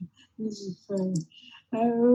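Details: Patient with motor neurone disease; mixed dysarthria.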